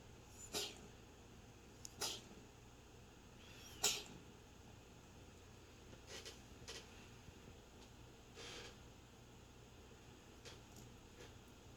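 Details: A small pet coughs: three sharp, hissy bursts in the first four seconds, then several softer, shorter ones in a quiet room; the sound is close to sneezing.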